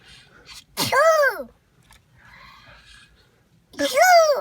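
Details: Young child pretending to sneeze when asked: voiced, falling 'ah-choo'-like calls, two in a few seconds; a playful imitated sneeze, not a true sneeze.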